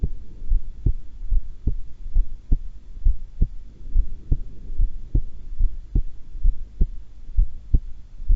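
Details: Normal heart sounds of a calm, unexcited person holding the breath (held twice): steady paired low thumps about 71 a minute with a faint hum.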